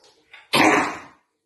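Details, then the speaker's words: Dog with kennel cough, a contagious respiratory infection: a few soft breaths then one harsh, dry hacking cough, the typical kennel cough sound. "it's kennel cough a highly contagious respiratory infection kennel cough spreads quickly especially in kennels kennel cough has a dry hacking sound if you hear this noise isolate your dog"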